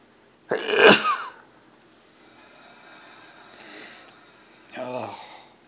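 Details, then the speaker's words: Adult's late-night sneezing around 1 a.m., described as a nightly evening ritual with tickling: one loud, explosive sneeze followed by quiet room noise, then a softer vocal sound. "yeah this is my evening ritual which I've never filmed maybe like five weeks ago I filmed it it's me sneezing"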